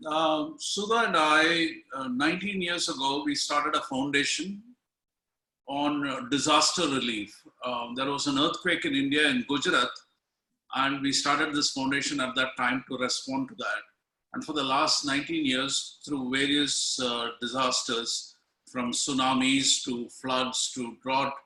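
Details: Adult man; typical speech.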